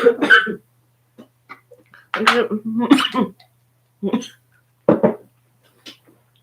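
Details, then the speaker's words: Adult woman with a dry cough during a live stream, taking a candy to soothe it: a few short, dry, hacking coughs and throat-clearing sounds with no wet rattle. "Słuchajcie kochani C na suchy kaszel pomaga kwiat z lipy sokiem malinowym"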